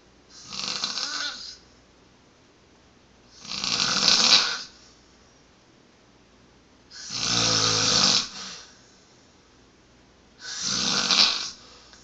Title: Man snore death